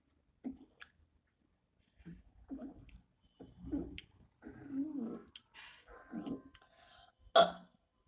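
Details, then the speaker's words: Several small, soft burps with quiet gaps between them in a quiet room, a person attempting a loud burp during a five-minute burping challenge; burping. "Oh my god, I'm horrible at burping. I will admit. So, you know what? Forget it. I'm just going to try doing the loudest burp that I can do."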